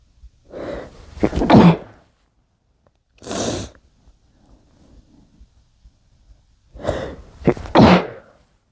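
Three muffled, stifled sneezes with short intakes of breath before the first and last, and quiet pauses between.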